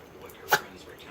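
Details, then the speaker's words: A single sharp, brief sneeze from a Maltipoo dog after tasting a spicy mustard sandwich; sneeze. "are you allergic to the food what are you allergic to what's making you sneeze"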